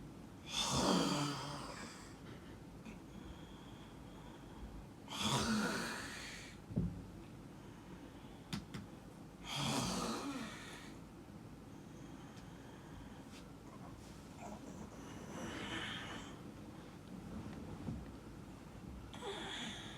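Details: Loud rattling snores on inspiration at roughly 14 breaths a minute, quieter breaths between, from a sleeping spouse: snoring.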